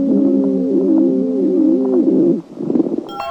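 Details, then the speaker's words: Lung sounds of a chronic obstructive pulmonary disease patient heard through a stethoscope: continuous musical, multi-pitched wheezing of narrowed airways. "这是哮喘发作时的哮鸣音。这是慢阻肺患者肺部的呼吸音。"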